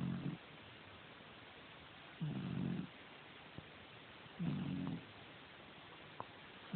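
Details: Low rumbling snores on each breath, about 27 a minute, with quiet pauses between them: snoring.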